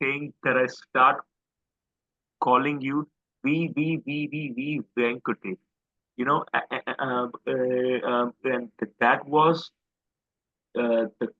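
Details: Adult man who stammers and describes his stammer as quite severe. Finding: stuttering.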